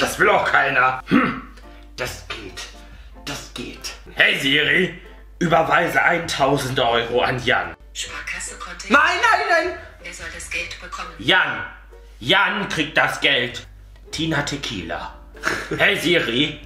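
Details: Vocal tics, including sudden exclamations and insults, in a man with Tourette syndrome.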